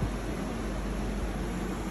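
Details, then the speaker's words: A heavy-duty 10 LPM home oxygen concentrator just switched on after installation: a steady low mechanical hum and rushing noise of the machine running. "Now all you need to do is, after giving electrical supply, switch on the machine. That's it. Okay."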